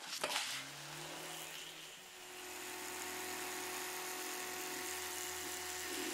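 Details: Electric toothbrush demonstrated in an ASMR dental check-up roleplay: a click, then a steady quiet buzz with faint whine; it buzzes every 30 seconds to signal each mouth quarter.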